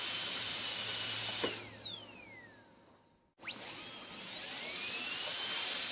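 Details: Dentist drill on-and-off sounds recorded for ASMR: a high-pitched dental drill whine winds down to silence, then spins back up to full speed.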